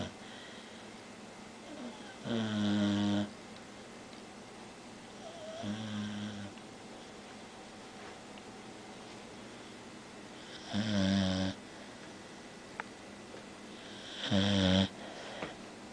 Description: She snores so loud